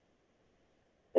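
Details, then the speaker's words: Crackles, lung auscultation teaching example: a brief breath sound beginning abruptly with a crackling, bubbling quality at the start of inspiration, then fading; crackles occur in the inspiratory phase, arising near the alveoli. "La diferencia también crepitante es en fase inspiratoria."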